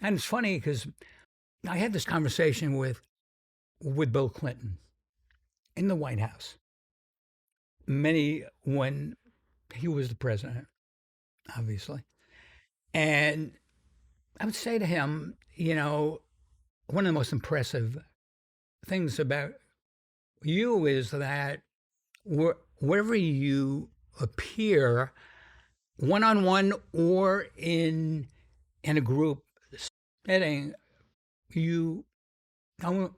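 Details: Stuttering in an adult man described as having a pretty strong stutter, more than almost any other guest; he says its severity varies.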